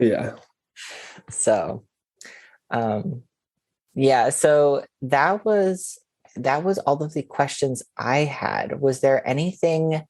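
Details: Adult speaker; normal speech.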